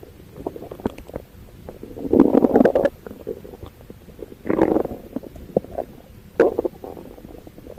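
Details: Abdominal auscultation through a stethoscope: gurgling bursts and scattered clicks, normal active bowel sounds (borborygmi).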